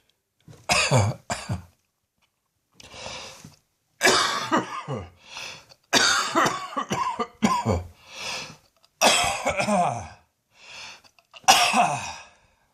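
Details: Evening coughing and gagging in an adult whose poor old lungs "continue to protest": repeated harsh coughs in clusters, with quieter strained sounds between them that fit gagging.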